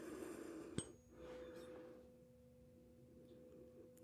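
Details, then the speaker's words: Simulated hearing exam roleplay: a 512 Hz tuning fork is struck, giving a sharp strike then a soft, steady pure ringing tone that slowly fades, demonstrated before the Weber test. "So, our first test, our first test here involves a 512 hertz tuning fork. It sounds like"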